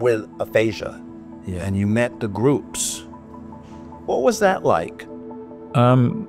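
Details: Adult male speaker, with background music; normal speech.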